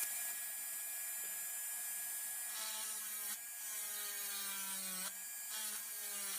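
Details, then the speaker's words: High-speed dental handpiece with firm finger rest on premolars, doing occlusal reduction of a typodont mandibular first molar (#36) for a full veneer crown: steady high-pitched whine dipping in pitch as the bur bites in. "If you are not having a finger rest, the handpiece is rotating at a high speed, so it might bounce away from the tooth, and your preparation will not be too good."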